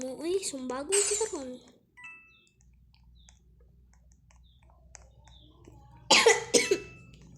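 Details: Brief talking, a quiet stretch, then two or three sharp coughs close together.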